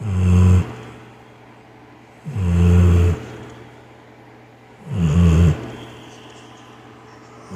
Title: Who Dog Snores Like A Human #dog #funny #funnyvideo #dogsnoring #subscribe #fyp